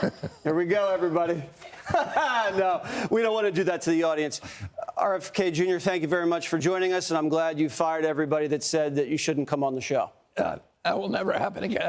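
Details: Adult man speaking; normal speech.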